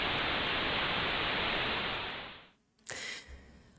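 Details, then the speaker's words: Tinnitus simulation played at the start of a talk on hearing loss: a loud, steady hiss with a thin, high-pitched ringing tone, meant to be noisy and annoying. "Mucho ruido, ¿verdad? Molesto, ¿cierto?"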